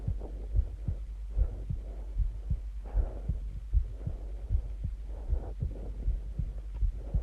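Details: Heartbeat and breathing recording: steady low heartbeat at roughly 75–80 beats a minute over soft breathing sounds; normal heartbeat.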